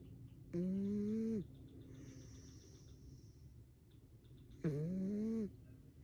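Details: Sleeping pet cat: two loud, tonal snoring sounds about four seconds apart over quiet room noise; cat snoring.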